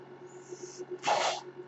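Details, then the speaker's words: The speaker's own mechanical ventilator running in the background while they talk on a podcast: mechanical ventilator. "My name is. That noise you're hearing is my ventilator, and thank you for tuning in to Page Turners They Were Not, my Star Wars podcast."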